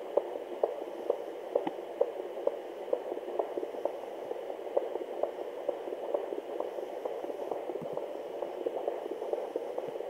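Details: Fetal heartbeat near 130 a minute. Occasional deeper thumps every 2-5 seconds are fetal hiccups, which the mother says she felt before listening. Normal fetal heartbeat with hiccups.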